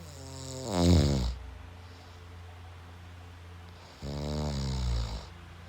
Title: Snores Like Machine Gun